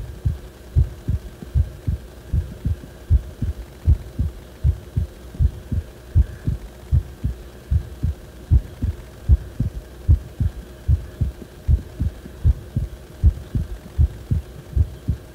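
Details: Heart sounds recorded when the heart felt like it was acting abnormally: steady low beats at about 77 a minute over a constant hum; abnormal heart sounds, no specific finding given.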